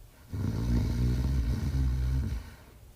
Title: The Male Artois Hound Dog Sleeping & Snoring in 46 seconds